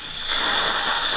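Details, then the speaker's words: Dental hygienist cleaning a coworker's teeth: a steady hissing spray of filtered water lasting about a second from a dental air-water syringe during the cleaning. "Oh, good thing it's just our nice filtered water. It's from Fiji."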